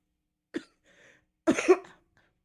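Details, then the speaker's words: Two short, dry coughs in a quiet room, the second fuller, from a streamer still sick with a cold for over a week, slightly improved, warning that talking too much triggers coughing fits; cough due to a cold. "I'm fine. I'm fine. But if I talk too much, I'm going to have a coughing fit."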